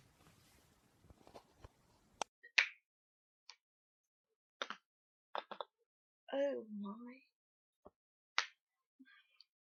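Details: Several sharp, isolated pops in a quiet room as a girl cracks her finger joints; knuckle cracking.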